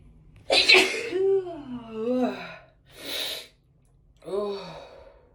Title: One big teasing sneeze (f)